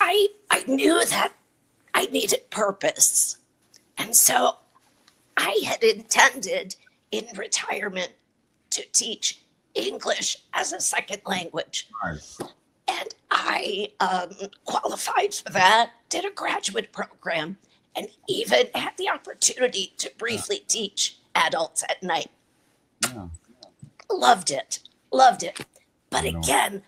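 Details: Adult woman with a chronic voice disorder, treated with Botox injections into the vocal cords every three months; dysphonia.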